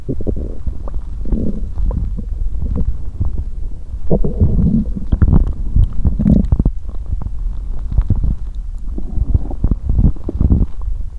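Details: Abdominal sounds on day 2 of menstruation, belly still rumbling: low gurgling and rumbling with bubbling bursts throughout; active bowel sounds.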